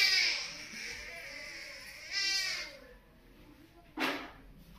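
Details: Newborn baby crying at first vaccination: loud, high-pitched crying in strained bursts, then a short sharp cry after a pause; a pain cry.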